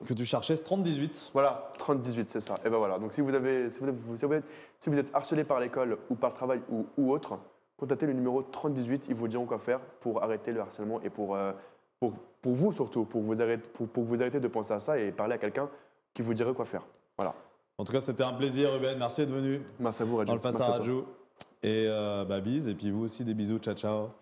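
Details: 24-year-old man with stuttering since childhood, severe as a child and now somewhat milder; real, non-acted conversational speech with part-word and word repetitions; finding: stuttering.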